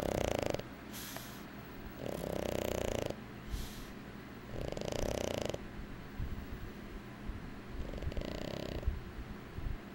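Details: Rhythmic rumbling breaths, around 20 a minute, with a purring, fluttering quality on each breath; snoring in a sleeping cat.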